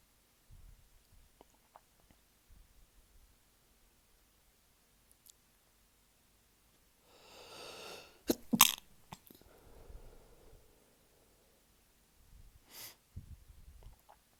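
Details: Quiet breathing, then a run of sharp sneezes, several stifled and muffled, followed by another sneeze, in the early morning next to a sleeping partner after a tickle; a sneezing fit.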